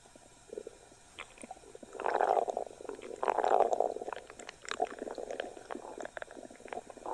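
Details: Gurgling, bubbling stomach growl (borborygmi) that swells and fades irregularly over several seconds, from gas and fluid moving through the gut.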